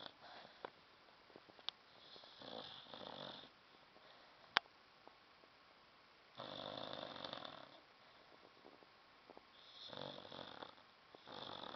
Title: Runkle- Snoring Dog